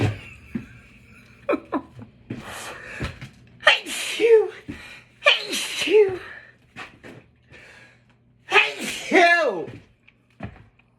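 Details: Person at work, not wearing a mask: three forceful sneezes, each with a sharp inhaled build-up and an explosive burst, with brief talk and laughter around them; sneezing.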